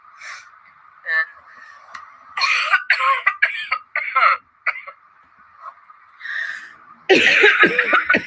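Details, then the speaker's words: Adult's productive cough: repeated harsh coughs and throat clearing ending in a loud, deep, rattly bout; a telehealth doctor said it sounded deep in the chest and worried it might be pneumonia. "so the telehealth doctor told me that all this all this stuff in my uh that i'm coughing up it sounds like it's it's deep in my chest or something"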